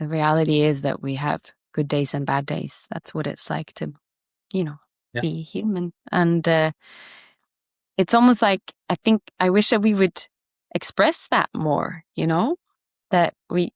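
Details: Adult speaker; ordinary speech.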